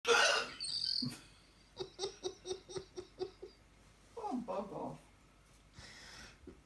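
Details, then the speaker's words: A woman's exaggerated, dramatic hiccups: a series of about eight short, regular, squeaky gasps close together, with brief voices and noise around them, while her dog looks on worried; hiccups. "Stella, that's just when she hiccups, darling. She over exaggerates everything."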